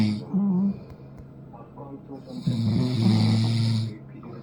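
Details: Napping father and long-haired Chihuahua snoring together: low rumbling snores with a fainter higher snore overlapping in a quiet room; combined human and dog snoring.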